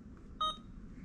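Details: Single short electronic keypad beep on an Alaris IV infusion pump as the nurse selects bolus IV fluid (1-litre bolus at 999 mL/h) during programming; normal confirmation tone.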